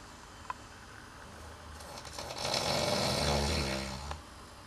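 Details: Housemate snoring: one long, rough, low rattling breath building and fading over about two seconds in a quiet room.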